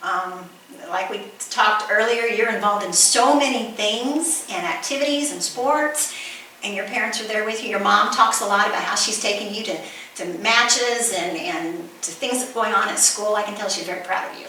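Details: Adult woman speaking; Normal speech.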